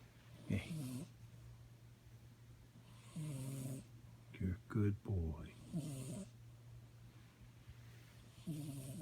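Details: Repeated rattling snores, about four in nine seconds, with a few short snorts over a steady low hum, from someone described as quite a lump, recorded May 2018; snoring.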